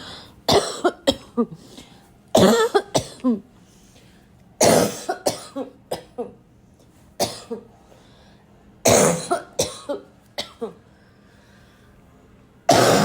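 Repeated loud, harsh cough bursts in clusters with throat clearing, a barking coughing fit.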